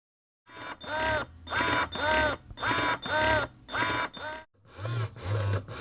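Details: Conventional electric breast pump running: repeated mechanical whirring cycles about one per second, each with a rising and falling motor tone, noisy compared with a silent wearable pump.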